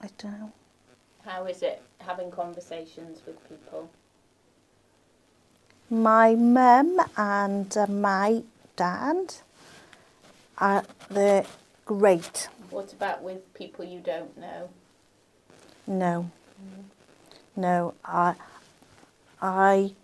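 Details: Adult man with aphasia after a stroke, speaking in conversation where the partner is not using supportive communication strategies; aphasia.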